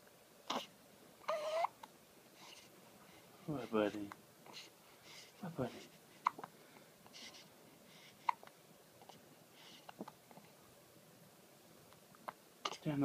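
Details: A young boy with hiccups, said to run in the family like his older sister's: brief, sharp vocal catches at irregular intervals in a quiet room.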